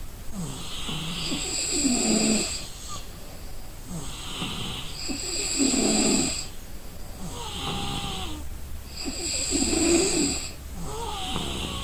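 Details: Person sleeping from exhaustion: loud rough snores on each in-breath, about 15 breaths a minute, with quieter out-breaths between; ordinary snoring in deep sleep.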